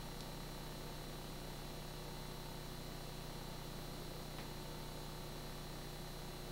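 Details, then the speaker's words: Steady low motor hum with faint rapid pulsing: a Lifepak 15 automatic non-invasive blood pressure cuff inflating on the presenter, reading 126/89, in a demonstration. "how you take the blood pressure is you go up to nibp and it'll start to inflate the cuff"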